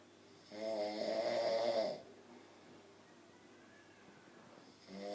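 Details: Loud rattling snore on one breath, a quiet pause, then the next snore starting, from a sleeping adult man; ordinary snoring.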